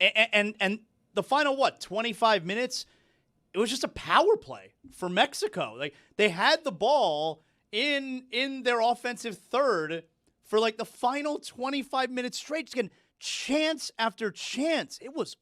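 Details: Adult speaker; ordinary speech.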